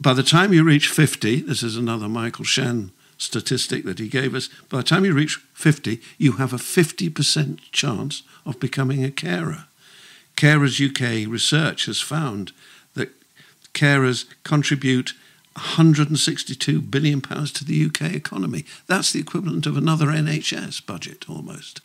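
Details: Adult man speaking; typical speech.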